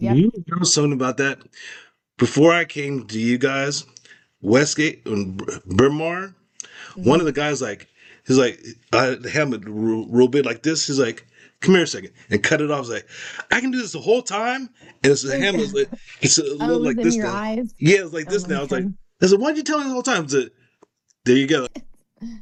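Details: Adult male stroke survivor (stroke in 2022) with post-stroke aphasia, severe expressive difficulty early on and trouble with dates and numbers, improved through speech therapy; word-finding trouble and broken sentences. Finding: expressive aphasia.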